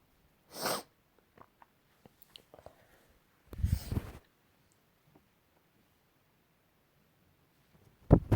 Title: Last week sneezes